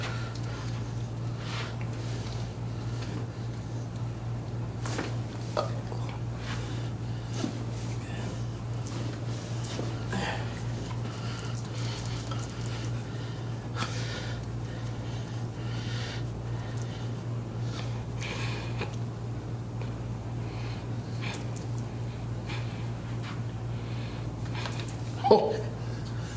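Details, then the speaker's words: Chiropractic adjustment of an adult with cerebral palsy after leg stretching, possibly at knees or hip: joint cavitation popping sound. "again something I didn't know could pop"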